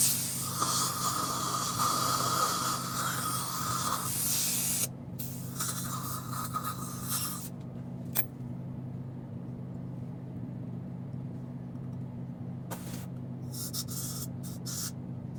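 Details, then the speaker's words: During a dental filling placed with a dental assistant, loud hissing air-water spray with a steady whistling tone, then gurgling suction and short air bursts over a low hum. "now I'm just placing a filling on my patient do you guys do feelings let me know in the comments down below"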